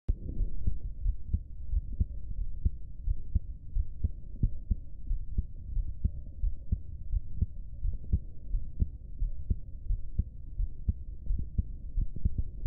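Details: Recording of the person's own heartbeat: steady, low thumping at about 88 beats a minute with a soft continuous hum underneath.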